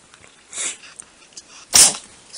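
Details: Cat sneezing; two short, sharp, hissing sneezes, the second louder.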